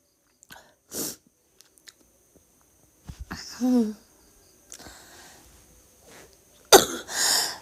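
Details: Girl coughing with vomiting: several short explosive coughs with a strained, retching quality, separated by quiet breaths.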